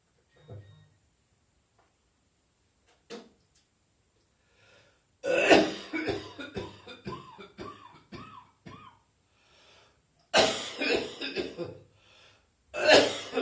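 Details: New Year coughing, gagging and spitting in an adult with an ongoing, persistent cough: harsh wet coughing bursts and throat clearing with retching sounds, separated by quiet pauses.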